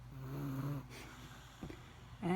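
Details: A short, low, buzzing snore on one breath, then a soft snort, in a quiet room: snoring.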